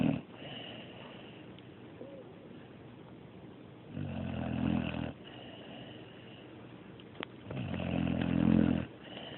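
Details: Snoring: two loud, rough, rumbling snores about four seconds apart, with quiet breathing between them.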